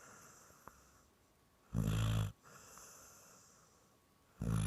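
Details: Deep, rattling, rhythmic breath noises with quiet breathing between, like human snoring, from a dog in deep sleep: snoring.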